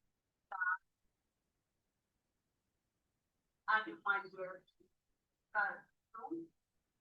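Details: Ataxic dysarthria (cerebellar speech disorder) in a female patient; rate varying between slow and fast, with excessive emphasis, tremor and nasal voice.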